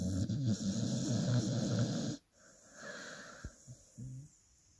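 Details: Dog snoring loudly: one loud, rattling snore, followed by quieter snuffling breaths.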